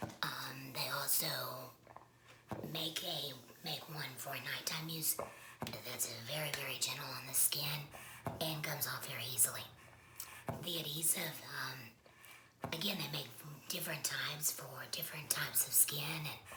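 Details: Woman speaking after laryngectomy; esophageal speech is mentioned but her voicing method is not stated; alaryngeal speech after laryngectomy.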